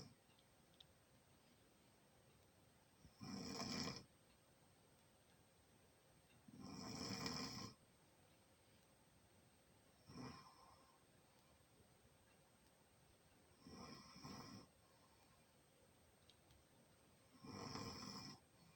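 Five rough, rattling snores on breathing in, about 17 a minute, with quiet breathing out between them; ordinary snoring from throat tissue vibrating.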